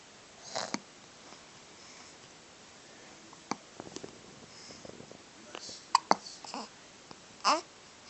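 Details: Infant with hiccups: several short, abrupt catching sounds mixed with soft baby noises.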